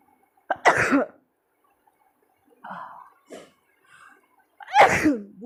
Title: #sneezing video🤧🤧 funny#🤧